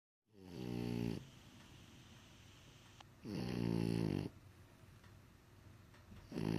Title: Snoring French Bulldog